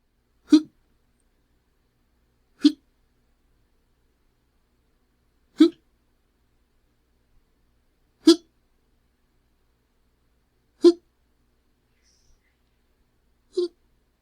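Six sharp, brief hiccup sounds from an adult man, roughly every two to three seconds, in a quiet room.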